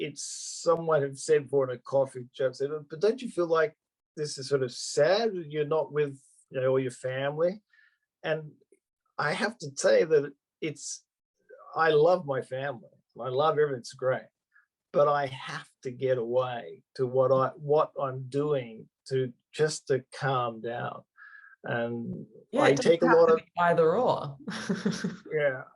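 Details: Adult male Australian-born stroke survivor living in Japan with aphasia after his stroke, speaking spontaneously; real post-stroke aphasia.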